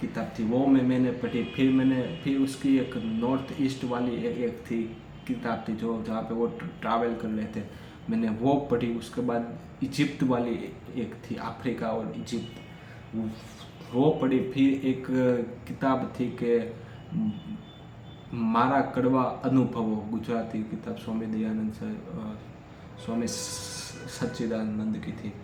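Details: Adult man who stammers, speaking freely in continuous-speech practice as part of a daily speech practice routine; stuttering.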